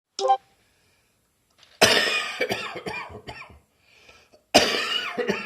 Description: Happy New Year everyone! My bronchitis hadn't quite left me yet.